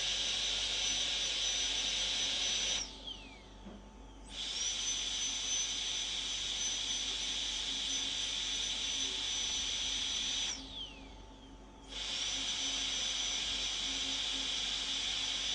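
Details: High-pitched whine of a dental drill running in two long bursts with brief pauses, during tooth preparation for a porcelain-fused-to-metal (PFM) crown.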